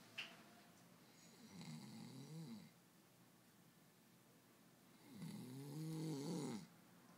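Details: Two slow, rattling in-breath snores with quiet pauses between, from a sleeping boy; ordinary snoring.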